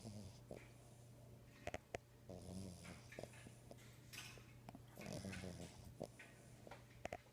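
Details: Cavalier King Charles Spaniel named Treasure, asleep in the owner's arms: dog snoring.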